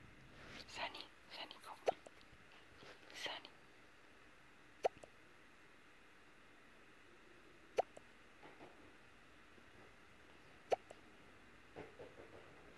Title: Coatimundi Sunny has hiccups